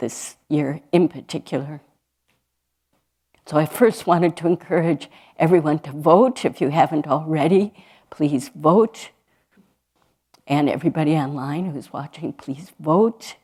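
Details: Adult woman speaking; normal speech.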